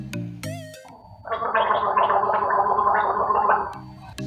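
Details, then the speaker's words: Wet, bubbling breath sound like gargling, caused by fluid blocking the airway; gurgling breath sound. "Hai orang-orang yang terakhir harga suara seperti berkumur kondisi ini terjadi karena ada kebuntuan yang disebabkan oleh cairan"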